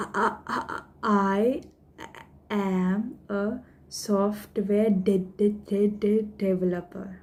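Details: Woman who stammers, introducing herself while deliberately stammering as a management technique; voluntary stuttering.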